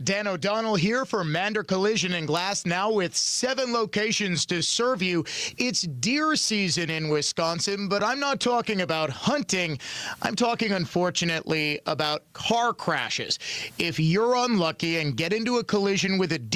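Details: Adult man speaking; Normal speech.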